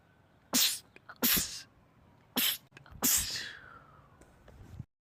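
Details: Male sneezer, part of a compilation of rapid sneezing attacks: four explosive sneezes in quick succession, the last trailing off into a falling voiced sound, a rapid sneezing fit.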